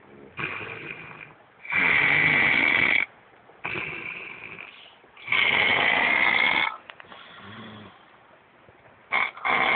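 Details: Snoring: loud rattling snores on both breaths in and out, about four breaths in ten seconds.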